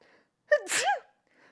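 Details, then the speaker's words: Female streamer sneezing: a quick inward gasp followed by a single sharp voiced sneeze in a quiet room. "oh I also sneezed many times oh God we are just the same it's our tiny noses unable to breathe"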